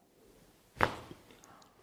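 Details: A single sharp crack during a chiropractic neck adjustment of a seated woman at the C4 cervical level, after knee cruciate ligament surgery: joint cavitation, a normal popping of the joint.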